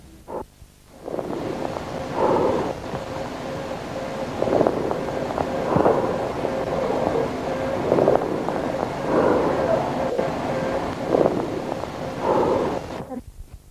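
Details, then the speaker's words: Cavernous (cavitary) or amphoric breath sound: loud, hollow, blowing laryngotracheal breathing transmitted to the chest periphery through a lung cavity, or through air in the pleura in pneumothorax. "cuando hablamos de soplo cavitario o de soplo anfórico, en el caso del neumotórax, también nos estamos refiriendo a la misma respiración laringotraqueal transmitida hacia la periferia a través de una cavidad, soplo cavernoso cavitario, o a través de aire en la pleura, neumotórax, soplo anfórico."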